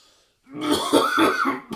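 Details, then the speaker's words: An acted cough in a comedy sketch about lockdown, where the coughing man claims he is fine and blames hay fever: a single short, throaty cough with a throat-clearing quality. "mate buddy you know with all the virus and everything don't you think it's maybe a good idea if you don't cough all over the kitchen"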